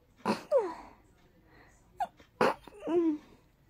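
Two quick sneezes, each a sharp burst followed by a short voiced trailing sound. A normal sneeze pattern.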